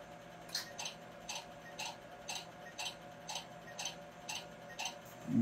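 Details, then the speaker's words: Q-switched laser tattoo removal, tracing tattoo lines at slowed speed: regular sharp snapping pops about 120 a minute. The popping shows the energy is being absorbed by the ink, and no popping means the energy should be increased. "when you hear that it's not popping you want to increase the energy a little bit because you want to hear a little bit popping sound that it's absorbed"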